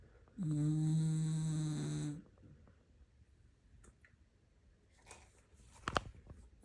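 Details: Moo, deeply asleep, snoring for over a minute: one long, steady, buzzing snore of nearly two seconds, followed by quiet breathing and a few faint clicks; plain snoring.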